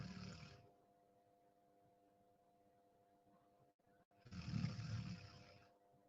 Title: Deep sleep 😴 sound on 😁 snoring sound 🤣 #deepsleep #sleep #sleeping #snoring #room